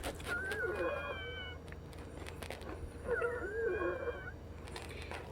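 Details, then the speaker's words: Polyphonic wheezing at 5 PM in a female patient after a breathing treatment with Brovana and Pulmicort around 2 PM: two long, high musical squeaks, one with each breath, over low room hum; lungs described as sounding stuffy. "You can hear the kind of like the lung is stuffy, huh?"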